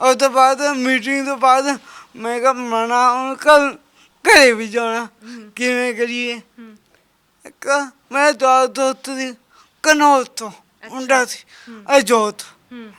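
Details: Speech impairment with stammering and unclear articulation in a young Sikh man with a disabled hand; the problem has been present since birth.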